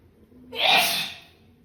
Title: Sneezing And Nose Blowing Challenge Part 9😂😂😂